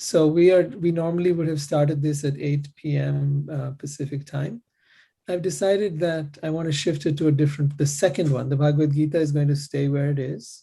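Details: Adult male speaker; normal voice.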